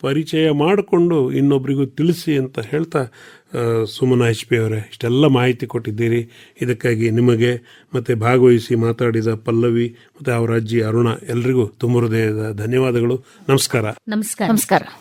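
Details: Adult male speaker; normal speech.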